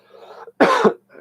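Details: Single short, forceful cough or throat clear from an adult between stretches of quiet speech; the speaker is recovering from a recent illness, with a sore throat, raspy voice, hearing loss in one ear and improved breathing.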